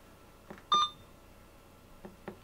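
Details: A short electronic keypad beep among soft key clicks in a quiet room from a CareFusion Alaris 8015 PC unit (infusion pump brain) as its clinical settings menus are navigated. Infusion pump keypad beep.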